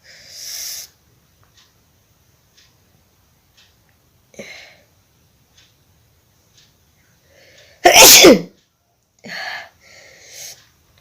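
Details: During a nose-blowing and sneezing challenge, one loud explosive sneeze comes among quieter sniffs and breaths in a quiet room; sneeze.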